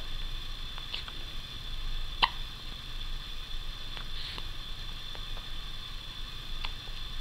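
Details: Child with ordinary hiccups: a few brief, sharp hiccup sounds, about four in seven seconds, over quiet room hiss.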